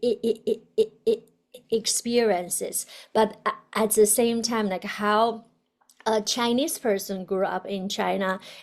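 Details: Adult woman, a doctoral student who describes herself as a person who stutters; stuttering.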